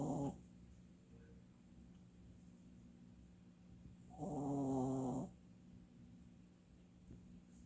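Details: An old dog asleep gives a single rough, buzzing snore over a steady low room hum.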